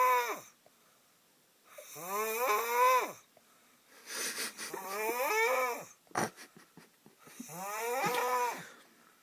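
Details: Loud, rough, voiced snores from a sleeping adult brother, about 22 a minute, with a brief snort between breaths; heavy snoring.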